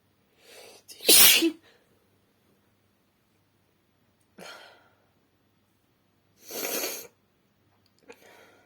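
A breath in, then a loud explosive sneeze, followed by two further softer sneeze bursts in a quiet room; sneezing.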